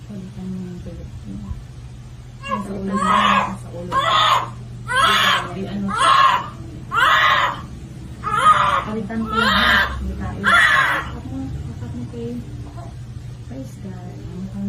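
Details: Newborn baby girl crying just after vaginal delivery: eight strong, rhythmic cry bursts over a low room hum; a vigorous, normal newborn cry.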